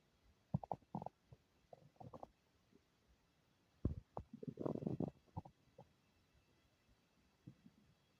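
Irregular gurgling and bubbling rumbles from the abdomen: ordinary bowel sounds, or borborygmi.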